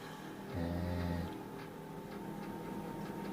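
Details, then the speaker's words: Adult man (husband) snoring in the background of a bedroom while a woman talks. "if you all hear that sound it is my husband snoring in the background I do apologize"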